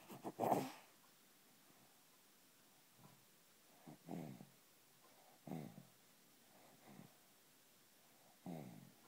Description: Baby snoring just like daddy